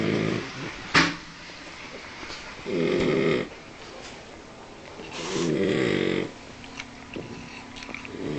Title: Rocky,my french bulldog snoring like a man